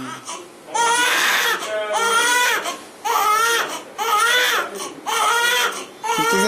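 Repeated loud, rhythmic wailing cries, about one a second, with brief gasps between; an infant's hunger cry.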